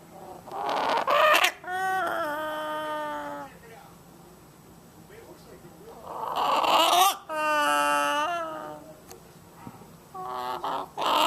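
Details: Animal recorded on July 11, 2011 with a Flip Video camera, wheezing worse than before: noisy rasping breaths alternate with long whistling, musical tones, a pronounced wheeze.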